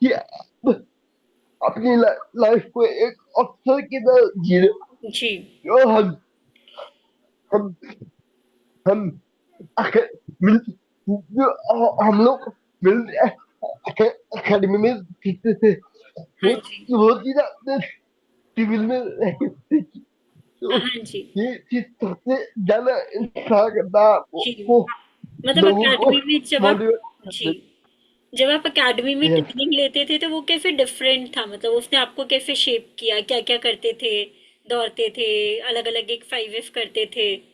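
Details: Young adult man with cerebral palsy diagnosed at age 2, who could not speak as a child and reports that speaking still takes double effort and is unclear; dysarthria due to cerebral palsy.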